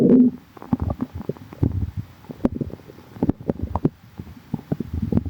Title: calm tummy | stomach growling